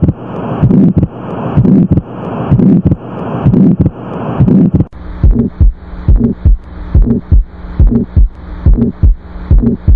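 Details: Regular heartbeats near 70 a minute with a rushing noise filling the gaps between beats, consistent with a heart murmur, presented as a teaching example of heart sounds.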